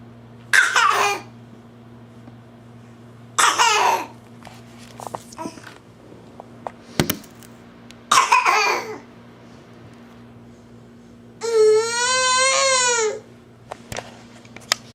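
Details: Young child's imitated, deliberately pretend cough: three short, forced cough bursts, then a brief voiced sound.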